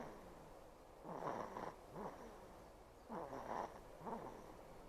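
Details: Baby girl aged 68 days snoring, with nasal mucus possibly remaining deep in the nose after earlier suctioning: soft snorting snores with each breath, roughly 29 a minute.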